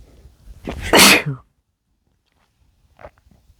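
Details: Drunk man gives a single loud, explosive sneeze after a short intake, then quiet with faint movement; sneeze.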